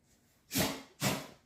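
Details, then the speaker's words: Two quick airy snorting bursts from a pet dog indoors, a sneeze, while it circles looking for a nap spot after its walk. "bah t'éternues mon chien. Voilà. Il tourne en rond là, il va bientôt aller faire sa petite sieste, je pense."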